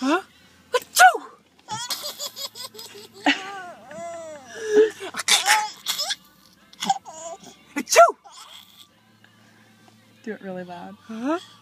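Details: Person sneezing, with another person laughing at the sneeze.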